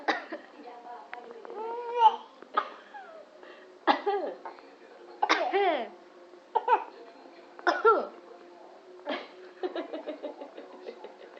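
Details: Infant boy makes a series of short, voiced coughlike bursts, playfully imitating an adult's cough.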